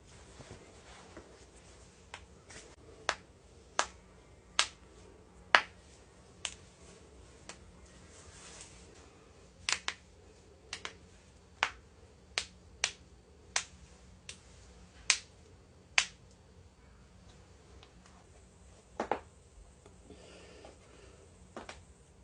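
A quiet room with a run of sharp, dry pops and clicks, typical of harmless cracking joints.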